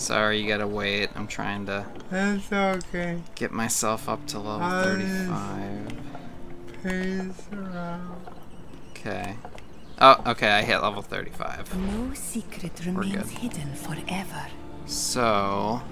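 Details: Adult speaking while gaming, game music in background; speech.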